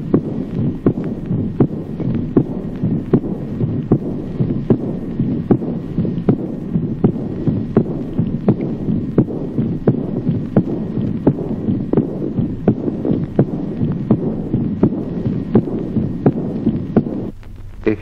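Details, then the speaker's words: Accentuated second heart sound in aortic regurgitation: regular heartbeat about 85 per minute, with a clear, loud second sound immediately followed by a soft, flowing early diastolic murmur. "Ejemplo 29. Acentuación del segundo ruido en la insuficiencia órtica. Al segundo ruido claro y reforzado sigue de inmediato un soplo diastólico de timbre fluyente."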